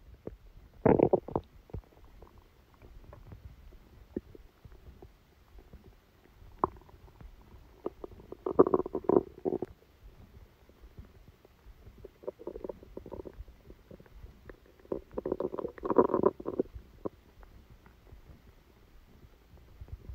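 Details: Stomachache after Christmas dinner, recorded from the abdomen while sleeping: quiet, irregular gurgling and rumbling bursts over low room noise; active bowel sounds (borborygmi).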